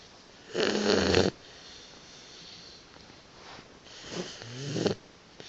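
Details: Boxer puppy snoring while napping: two rough, rumbling snores on the in-breath separated by a quiet pause; ordinary snoring during sleep.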